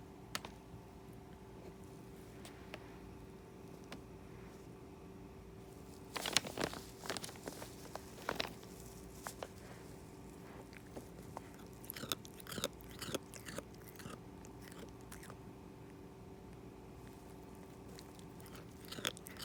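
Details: Cat named Binky grinding its teeth: soft gritty clicks and scraping crackles in a quiet room; teeth grinding (bruxism).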